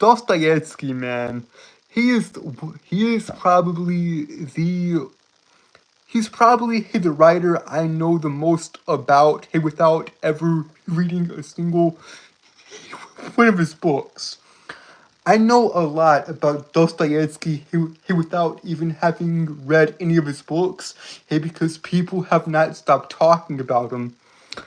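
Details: Adult man with a self-reported speech impediment causing stuttering and tripping over words, speaking on a live stream; many repeated words and phrases; stuttering.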